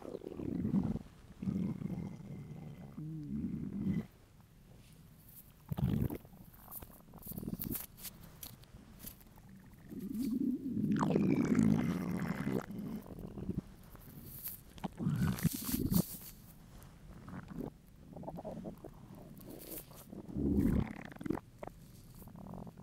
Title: Hungry stomach rumbles